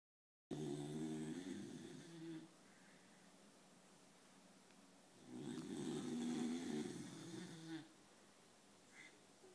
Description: Our dog Dixie snoring and twitching